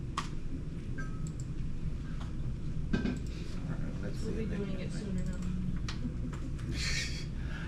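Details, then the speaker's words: Coarse crackles played in a nursing-class lung-sound review: scattered low, bubbling clicks over room noise; crackles usually indicate fluid in the lungs. "remember yesterday during lecture what did I tell you that crackles usually is fluid in the lungs"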